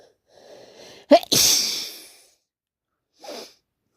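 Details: Single loud sneeze with a sharp intake before and a brief sniff after, from a person with bad hay fever and an itchy nose, amid non-stop sneezing; they suspect hay fever rather than a cold.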